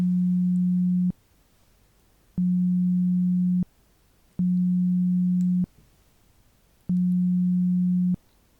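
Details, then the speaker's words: Simulated pure-tone hearing test beeps in an ASMR ear-exam roleplay: steady low tones about a second long, repeated with short pauses, while the listener judges whether the beeps differ in length or pitch. "Now, please I will ask you to tell me if all the beep sounds are the same or they are different. It can be anything. It can be the length of the sound. It can be the pitch."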